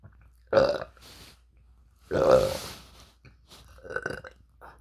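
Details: Two loud, drawn-out, croaky deliberate burps followed by a softer third in a quiet room.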